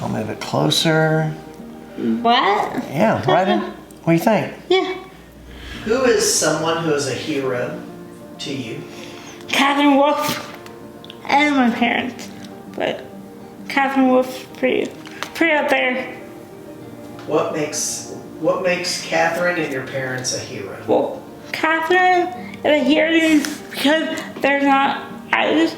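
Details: Dysarthria in a young adult woman with cerebral palsy, a brain injury before birth. She uses a wheelchair, has limited fine motor skills, and says she is sometimes hard to understand.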